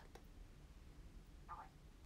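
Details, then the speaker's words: Young woman's stomach growling: brief soft croaking gurgle like a small frog call over quiet room noise. "あ聞こえなかった、なんかカエルみたいなお腹が鳴りました、えんって聞こえました。"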